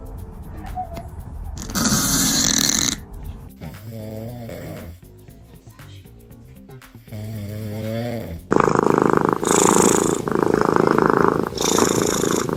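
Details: A sleeping cat snoring.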